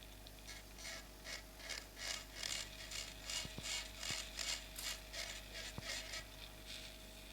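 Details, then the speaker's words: Temporal bone dissection, drilling parallel to the facial nerve's long axis through peripheral air cells; rasping high-pitched drill bursts about 158 per minute with soft clicks; otologic surgical drill on temporal bone. "And we have to drill parall to the structure log axis of the facial. But the size of the cells is always bigger at the bite tip."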